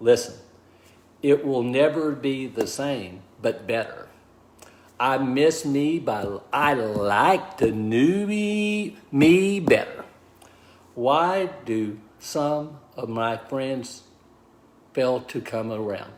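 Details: Man with aphasia after a stroke, diagnosed 26 months earlier at about age 61; initially unable to talk, write or communicate; now relearning speech, reports mixing up words and slowing down to avoid slurring; aphasia.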